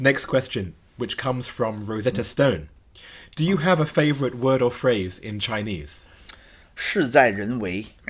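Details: Adult male speaker; normal speech.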